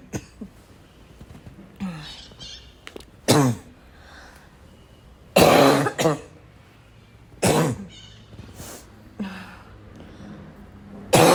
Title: LOTS of barking cough